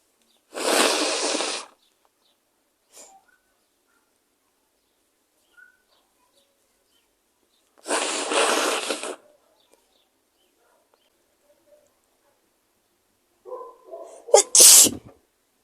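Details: Three powerful, forceful sneezes, each a sudden loud burst of air separated by quiet pauses.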